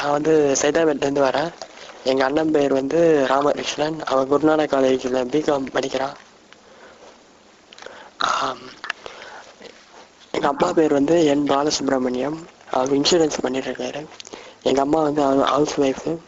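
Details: Person with cleft; articulation is fine but resonance is increased (hypernasality).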